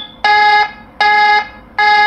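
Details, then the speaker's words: lifePOINT PLUS defibrillator just switched into AED mode: loud repeating electronic alarm beeps, about one every three-quarters of a second; defibrillator alarm. "if you want to silence the alarm just press this alarm off button and alarm is off"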